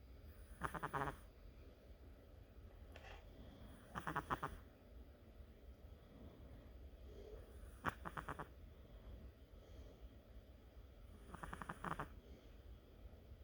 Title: Ginger is snoring...